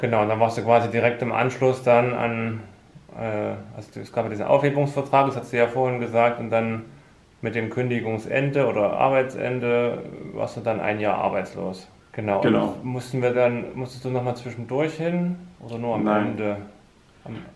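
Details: Adult man speaking German; ordinary conversational speech.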